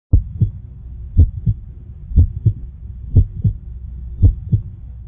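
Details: Steady two-part lub-dub heartbeat at about 60 beats a minute over a low hum.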